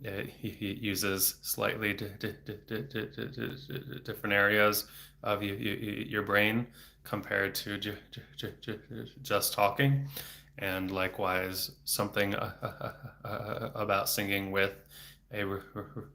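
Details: Adult male speech-language pathologist who has stuttered since age eight (about 26 years), with speech therapy off and on until his early 20s, speaking without fluency strategies; blocks with throat tension and frequent repetitions; stuttering.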